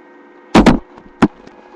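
Three short, sharp gurgling pops over a faint hiss, fitting stomach growling (bowel sounds).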